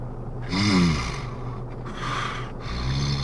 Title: snore 02